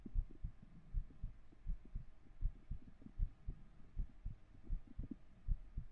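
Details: Soft, regular paired low thumps at about 80 beats a minute, from a 3Dio binaural ASMR stream; steady heartbeat.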